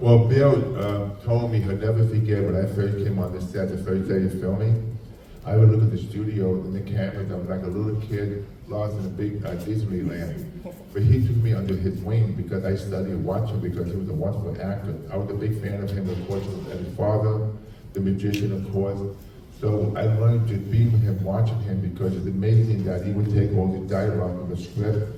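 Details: Adult male with profound hearing loss since childhood and a childhood speech impediment, trained in phonetics with a marble in his mouth, formerly wore two hearing aids, cochlear implant about 3.5 years ago: deaf speech (speech of a person with profound hearing loss).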